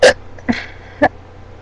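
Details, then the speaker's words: Three abrupt, brief voiced gulps in quick succession in a quiet room, a pattern that fits hiccups; the person says these hiccups hurt. "These are rendering hiccups. They're actually hurt like right here."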